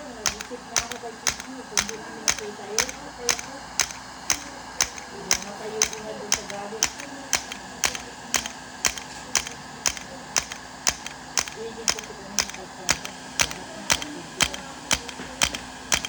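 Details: Integrative shockwave therapy for pain at the back of the knee (popliteal area), 3 Hz/90 mJ x 1,000 shocks: sharp, evenly spaced clicks at about one per second with a faint hum behind.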